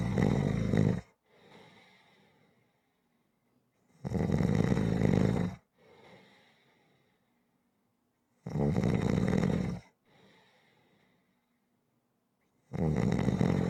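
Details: Rhythmic snoring recording: loud, rasping snores on each breath in, about 14 a minute, each followed by a softer breath out and silence; snoring.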